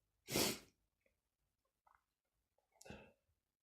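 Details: Sneezing with a stuffy nose: a loud sneeze, then soft sniffs and a second, smaller sneeze or snort in a quiet room.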